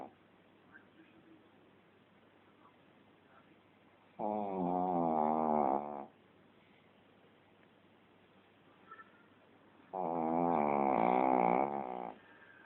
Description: funny of my shih-tzu snoring like hell!